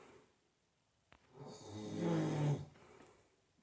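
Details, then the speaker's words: A friend's wild snoring in an apartment at about 3 a.m., going on for about 1.5 hours: a single loud, rattling snore on an inward breath, rising and then cutting off, over a quiet room. "блядь, не храпи, ти заїбав. Як ви бачите, йому похуй."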